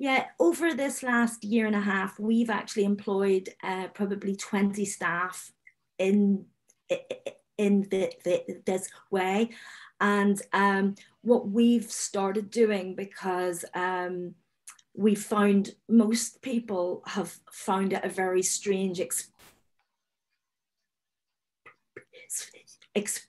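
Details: Adult woman, a finance manager who speaks as a person who stammers, on a stammering webinar panel; stuttering.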